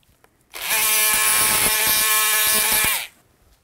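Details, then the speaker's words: Oscillating saw's steady high buzzing whine about 2.5 seconds with faint clicks, making the femoral chamfer cut through the finishing block during partial knee replacement surgery on a right knee. "So now I've set my rotation, so if there's any play, I know exactly where my component's going to go. And then our chamfer cut."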